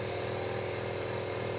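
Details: Nebulizer compressor used to treat a coughing baby with cold and chest congestion: steady mechanical whirring hum without pause, with a faint high whine.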